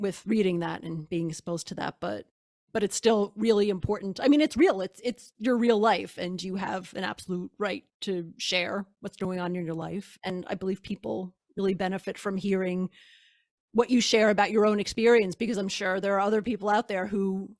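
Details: Adult woman speaking; normal speech.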